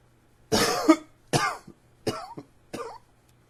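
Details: Cough from allergy tickles: four short, harsh bursts in quick succession, some ending with a brief catch, in a quiet room; a repeated dry-sounding cough from an irritated throat.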